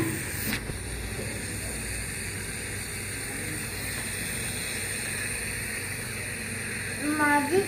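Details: Child given nebulizer for cough, told to hold the mask and breathe in through the nose: steady hiss with faint motor hum, ending with a brief child's voice; nebulizer running.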